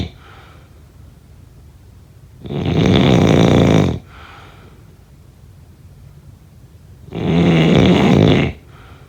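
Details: Snoring.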